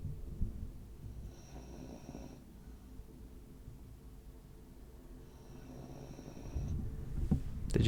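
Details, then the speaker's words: Dog snoring in the background picked up by a streamer's microphone while talking. "Oh my god, do you guys hear the dog snoring? I'm gonna try and move the microphone."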